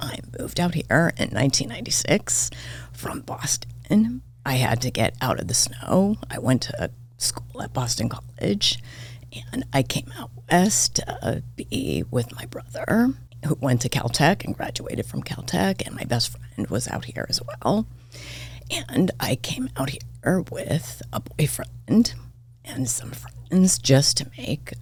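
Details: Adult woman diagnosed this year with spasmodic dysphonia; vocal cord spasms make her voice cut in and out, sometimes hoarse, varying unpredictably; she attributes it partly to voice overuse and stress; real, noticeable during recording; spasmodic dysphonia.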